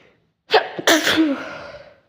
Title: Sneezing again 🤫